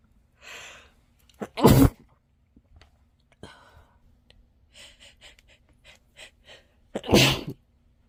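Two sneezes, each after a quick inward breath, partly stifled, with soft breathing sounds between: muffled sneezes.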